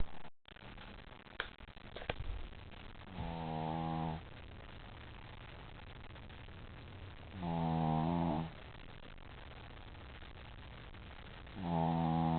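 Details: Dog sleeping after a long day at doggie daycare, with deep, rumbling snores about every four seconds, three in all, after brief handling noise; loud snoring that sounds like a grown man's.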